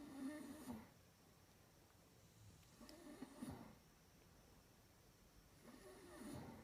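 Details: Low, rough rumbling snores recurring a few seconds apart with quiet gaps between; heavy snoring, "like a train".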